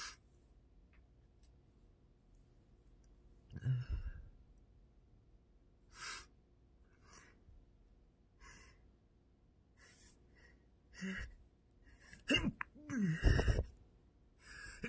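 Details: Allergic sneeze (allergic rhinitis) in a person allergic to their own dog after sleeping with her snuggled close all night: quiet breaths and sniffs building to a sneeze with a voiced cry near the end.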